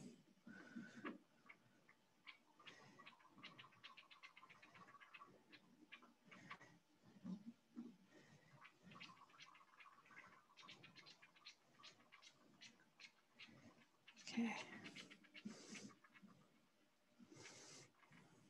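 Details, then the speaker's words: Live demonstration of a pulsed Doppler flow velocity system on a small animal, probe over the heart's right side; consistent tricuspid valve flow Doppler signal. "okay there's a very consistent tricuspid valve flow okay so I'm just going to take my signal my probe and make a small movement"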